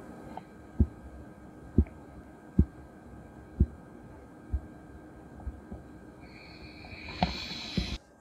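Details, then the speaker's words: Manual blood pressure with a stethoscope over the brachial artery; the cuff is inflated to 150 mmHg (patient's usual systolic about 120) and released 2–3 mmHg at a time. Regular soft Korotkoff taps at about 64 a minute begin at systolic and fade with deflation. "I'm going to very slowly release the gauge by 2 to 3 millimeters of mercury slowly and having a listen to those tapping noises which are otherwise known as the courage cough noises"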